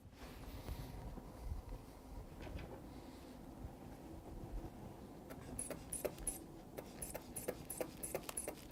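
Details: Demonstration exam: an adult's manual blood pressure cuff is pumped up, with rhythmic hand-bulb squeezing and valve clicks over low room noise. The reading is 120/75, versus 125/78 by automatic cuff on the other arm.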